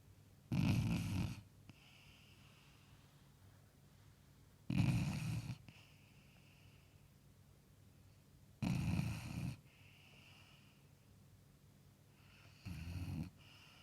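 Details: Sleeping basset hound, four loud, deep snoring breaths about 15 a minute, each followed by a soft whistling exhale: snoring.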